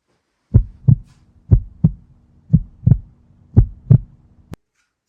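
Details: Normal heart sounds at the tricuspid area (left parasternal line, fourth intercostal space), heard with a cardiology phonendoscope: regular lub-dub at about 60 a minute with normal first and second sounds.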